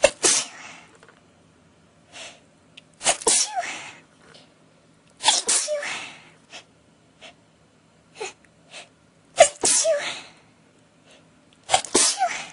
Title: Really bad sneezing fit